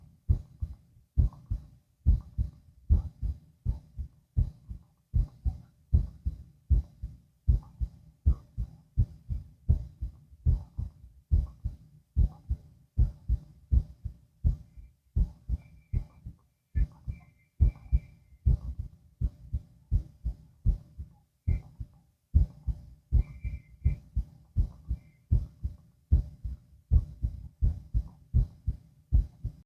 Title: heart auscultation (laying down)